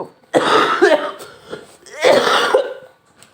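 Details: Two harsh, rough coughing bouts of short explosive coughs from an adult in a small room; cough.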